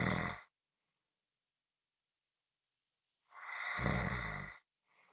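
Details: Rough, rumbling snore bursts separated by complete silence, with a low rattle on each breath; snoring.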